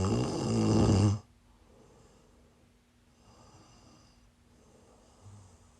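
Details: Person sleeping while sick, one loud, rough snore followed by quiet breathing: snoring.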